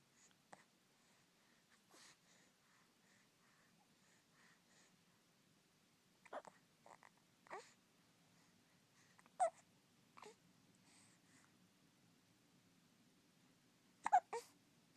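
Soft, brief hiccup sounds at irregular intervals, about 13 a minute, in a quiet room; hiccups.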